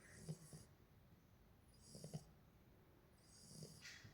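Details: Quiet, light snuffling snores with small snorts, roughly every 1.5 to 2 seconds, from a sleeping Beagle puppy.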